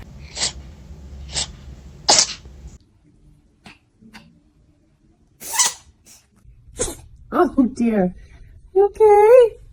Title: Cat sneezes